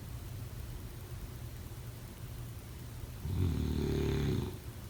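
Quiet low room noise, then one loud, rough, low rattling snore on a breath in, lasting about a second.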